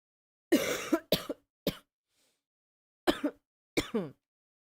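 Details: Five short, harsh coughs in a few quick bursts from someone who says they are sick and have been coughing a lot today.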